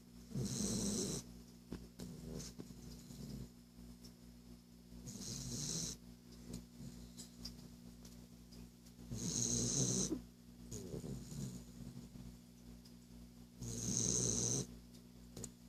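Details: Sleeping Boston dog snoring in regular rattling bursts, about 14 breaths a minute, with quiet gaps between.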